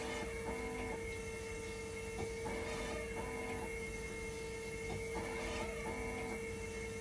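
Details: Hemodialysis machine test-run in dialysis mode during repair of a recurring 5-volt level detector failure: a continuous mechanical hum, steady tone and rhythmic pump and valve cycling while conductivity and temperature stabilize.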